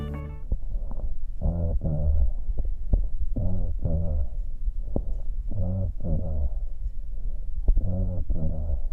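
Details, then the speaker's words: Spoken voice heard through the chest wall comes through loud and clear because the full frequency spectrum is transmitted, as in consolidation or atelectasis: bronchophony. "Broncofonía. En condensación o atelectasia se transmite todo el espectro de frecuencias y la voz se ausculta con claridad."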